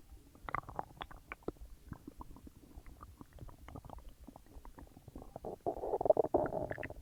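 Frequent soft gurgles and squelching pops with a longer bubbling rumble near the end; active bowel sounds of digestion after a meal.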